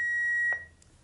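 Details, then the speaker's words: Defibrillator power-on beep: single steady high-pitched beep ending with a soft click as a defibrillator is switched on into manual defibrillator mode and its screen comes on, in basic life support training. "the machine now functions in the manual defibrillator mode you can see that the screen has come on"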